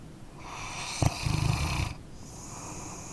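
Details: A sleeping dog gives one short rattling, snorting breath, followed by a soft hiss; snoring.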